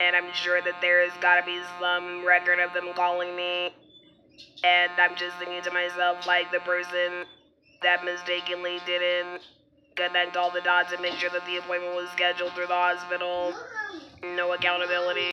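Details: Alaryngeal electrolarynx speech in an adult woman after laryngectomy who has had throat dilation procedures and reports renewed trouble swallowing medication.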